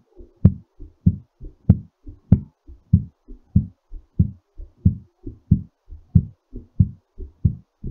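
Strong, regular lub-dub heartbeat at about 95 beats a minute, a normal fast heartbeat while recovering after exercise.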